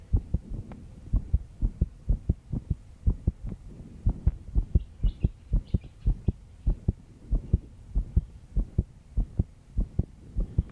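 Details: A 22-year-old female, stressed after pulling an all-nighter of work, has a regular, quick heartbeat at about 110 beats a minute with clear paired thumps; fast heartbeat with some background noise.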